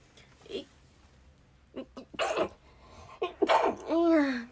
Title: Cute Japaneze girl sneezing and noseblowing くしゃみ21